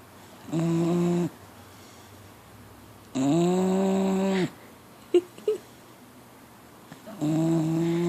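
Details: Four-month-old pit bull puppy asleep, snoring like a grown man: three loud, drawn-out tonal snores about two seconds apart, with quiet gaps and a small snuffle between them.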